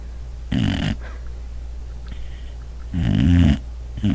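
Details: Boxer dog asleep on a couch after a long day of running and playing: two loud, rattling, low-pitched snores a few seconds apart, with quiet breathing between.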